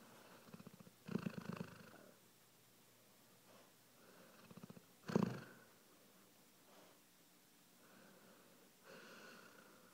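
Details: Slow, irregular rattling snores with vibrating, fluttery breaths, about 15 a minute, in a quiet room, recorded shortly before death; snoring.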